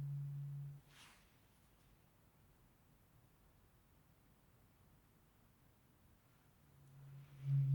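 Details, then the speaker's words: Simulated cranial nerve exam (ASMR roleplay, eyes closed): a pitch-detection test with a higher-pitched tuning fork and a lower one. Tones sound in turn and the listener is asked "high or low?". "Just swapped out the second tuning fork for a higher tuning. It sounds like this. Going to use the higher chin fork and the mother one. test your pitch detection."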